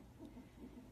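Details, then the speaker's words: Faint, rapid whooshing fetal heartbeat picked up by the monitor during a non-stress test. The pregnant mother had a 17-pound weight gain in one week plus protein in her urine. "But if you listen, you can hear the baby's heartbeat on the monitor that they have me hooked up to."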